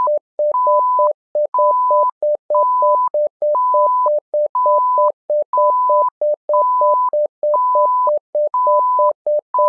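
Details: SimMon simulated patient monitor app: simulated patient monitor tones and alarm.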